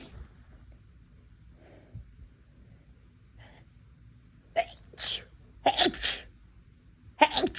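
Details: Induced sneezing from a nose that feels unusually sensitive that day: soft sniffs and catching breaths building to three or four sharp, explosive sneezes in quick succession.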